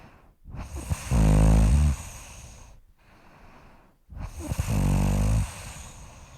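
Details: Adult snoring during sleep: two loud, deep, rattling snores on inhalation, each about a second long, with quiet breathing between.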